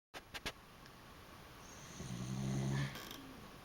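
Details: Snoring Dachshund having a hard time sleeping because of his snoring: a low, rattling, droning snore on a breath in, with soft background hiss.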